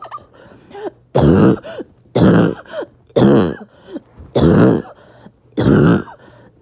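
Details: Bad 48 hours of awful cough: five loud harsh barking coughs about one per second, each followed by a strained squeaky indrawn breath; barking, wheezy cough.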